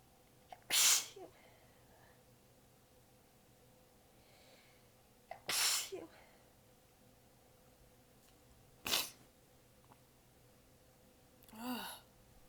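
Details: Four sneezes spaced seconds apart, the last softer and held back, with faint room noise, from an exhausted adult with sore abs biting back sneezes during a long, massive sneezing fit; a sneezing fit.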